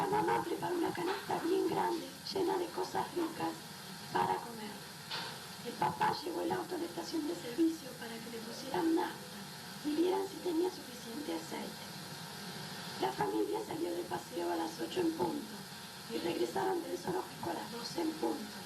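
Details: 30-year-old lyric singer, before treatment, with right vocal fold paralysis in adduction after total thyroidectomy plus added psychogenic dysphonia; marked diplophonia from mismatched vocal fold contact.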